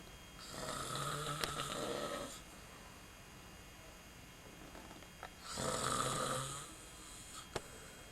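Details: Snoring recorded in 1995: two long, loud, buzzing breaths with a low vibrating rumble during sleep.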